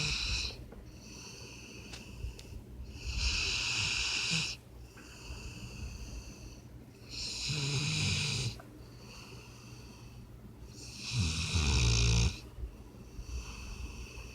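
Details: Sleeping puppy snoring like a person: rhythmic rattling snores with a whistling edge, about 15 a minute.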